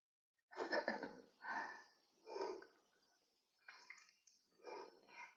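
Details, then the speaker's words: Dog lying right up against the owner snoring during a live stream; snoring. "Can you hear her snoring behi beside me?"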